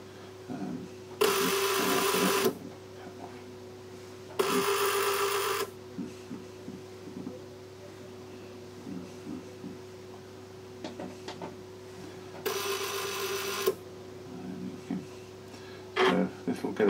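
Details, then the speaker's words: Real eye examination, optometrist switching phoropter refraction lenses to blur vision further: three bursts of mechanical whirring and clicking, with a steady room hum. "so i'm going to blur things a little bit more for you now okay"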